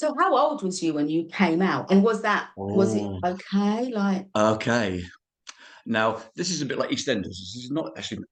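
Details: Adult speech in a small room, possibly two speakers; ordinary conversational speech.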